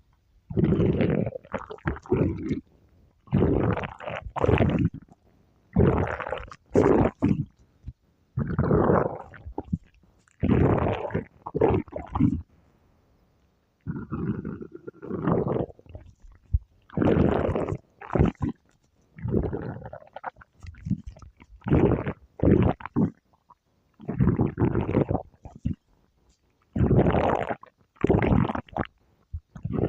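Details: Repeated gurgling, rumbling bursts from the belly: stomach growling (borborygmi).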